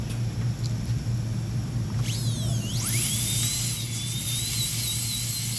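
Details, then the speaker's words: Rumbling room noise, then a rising high-pitched whine settling into a steady dental drill tone, widening a primary molar's access cavity to remove overhangs during pulpotomy de-roofing. "So wherever you see the overhang, we make sure, again, we widen the cavity in those portions."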